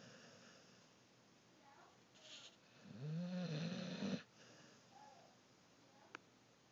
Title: Snoring Dog